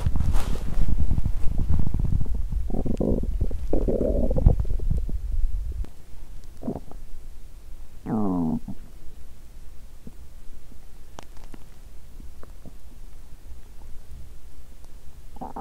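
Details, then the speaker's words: Borborygmi from an empty stomach after exercising while hungry: loud, low, gurgling rumbles with bubbly squeaks, then quieter gurgles. "Bụng tôi muốn ăn sớm 😂 “ Cho tôi ăn sớm!” Hét lên!"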